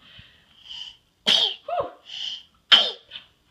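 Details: Sneezing while hugging a teddy bear, in a female who uses a walker: small, high-pitched snorting sneezes, two sharp bursts among soft sniffs and huffs, like a little dog sneezing.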